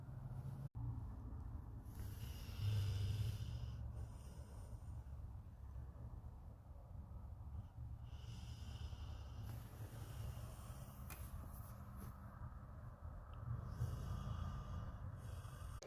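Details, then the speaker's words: Puppy in deep sleep, also dreaming, snoring softly with low, rumbling breaths and gentle snorts; ordinary sleep snoring. "well she is uh snoring and she is asleep"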